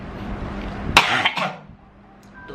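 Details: Two quick coughs against steady background noise, then quiet: cough.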